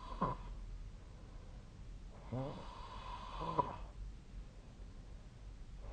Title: 🐽 本日のイビキ / Snoring Sleep Sound 2025/03/31